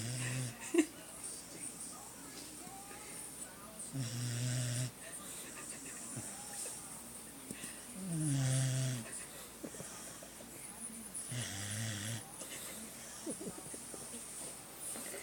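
Low rattling snores about every few seconds, irregular, over steady room hiss; snoring in a sleeping dog.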